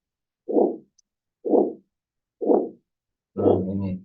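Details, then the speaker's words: Heart auscultation teaching recording: systolic murmur of aortic stenosis, obstruction of aortic outflow, replacing the normal lub-dub sounds. "ini yang ada sistolik mormur arti karena stenosis atau penyumbatan di aa ya darah yang ke aa ini ada penyumbatan."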